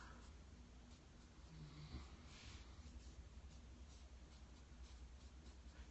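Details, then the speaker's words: Sleeping dog, heard in the background during a watercolor session; soft, low rumbling snores under steady room noise; snoring. "you guys hear the snoring in the background that we the dog ha"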